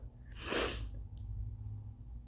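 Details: Sneeze deliberately induced with a Q-tip, tissue and turmeric in the nose, with the person reporting congestion: a single explosive, hissing sneeze about half a second long, then a faint sniff in a quiet room.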